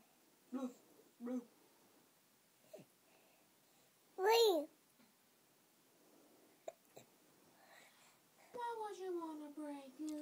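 Several short, abrupt voiced catches spaced a few seconds apart, with soft child vocalizing between them, fitting hiccups.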